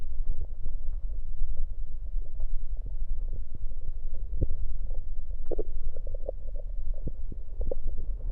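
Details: Bowel sounds recorded with an electronic USB stethoscope on the abdomen while drinking Coke: low rumbling and bubbling gurgles from swallowed soda and gas in the stomach, ordinary stomach gurgling.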